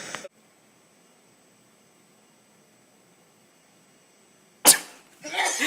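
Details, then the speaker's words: Person who says they are a little sick announces they are about to sneeze, then one sharp, explosive sneeze after a quiet stretch; a brief voice sound comes before it and a breathy sound follows. "oh my God I'm about to sneeze oh my God I'm a little sick I'm sorry"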